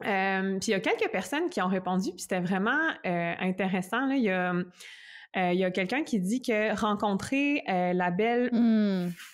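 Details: Stuttering in an adult woman who describes her stuttering as including blocks, eye closing and head movements.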